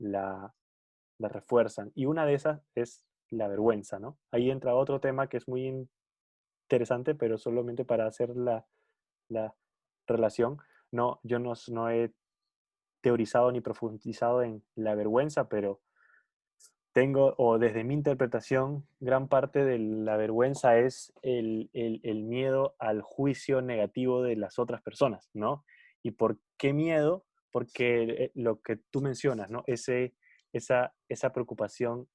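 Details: Spanish-speaking person who stutters, in a conversation between two people who stutter. Stuttering.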